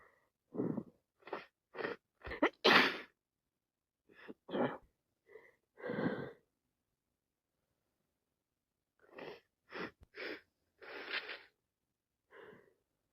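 Two runs of short, sharp sniffs and wet sneezes, separated by a few seconds of silence, fitting a head cold.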